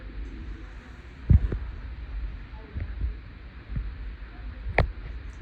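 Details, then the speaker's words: Soft, paired low thumps heard through a stethoscope diaphragm at the aortic area during a physical assessment: normal S1 and S2 heart sounds, no murmur. "Okay. S1 and S2 are heard and I did not hear any murmurss."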